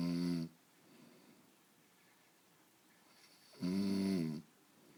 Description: My husband beginning with his light snores....